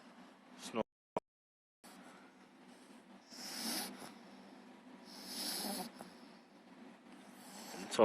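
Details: Eight-week-old English bulldog puppy, sound asleep and not waking: soft, noisy snorting breaths with two louder rasping ones; snoring.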